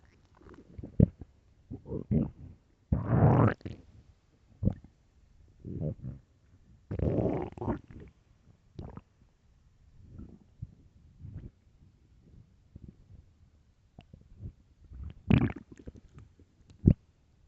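Irregular low gurgles, rumbles and drawn-out groans from the abdomen: stomach growling from hunger, a normal sound.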